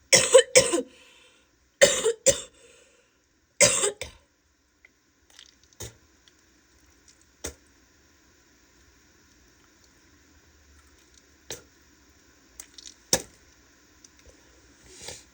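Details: Female: three pairs of harsh, loose-sounding coughs, then quiet throat clearing and spitting; wet, productive cough.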